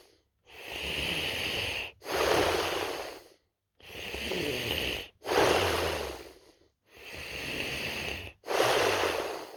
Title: Snoring me